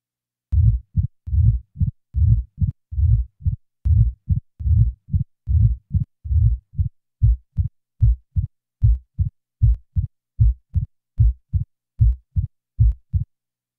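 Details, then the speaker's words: Simulated mitral stenosis, heart rate about 75 a minute: after removal of the diastolic murmur, only the opening snap remains after the second heart sound. "now the murmur is removed leaving the opening snap"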